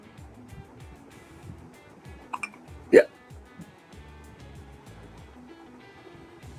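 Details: Hiccups from an infant girl whose hiccups suddenly started and would not stop: a few short, sharp catches, the loudest near the middle, over steady background music.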